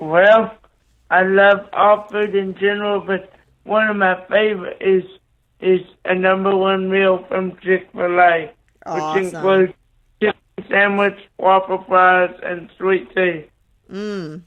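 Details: Dysarthric speech from cerebral palsy in a 27-year-old man born three months premature after a car crash, with a neonatal brain bleed and stroke, right-sided paralysis, blindness, and seizures controlled with medication.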